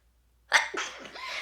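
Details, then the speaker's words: Young woman who says she has been sick all week, can't stop sneezing and thinks she is getting sick. One sudden, forceful sneeze burst followed by a breathy trailing exhale. "oh my gosh guys this sneeze I'm getting sick that's what it is"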